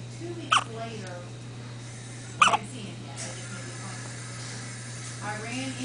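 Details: Two sharp, brief hiccups about two seconds apart over a steady low hum, after feeding; the hiccups lasted about 10 minutes; hiccups.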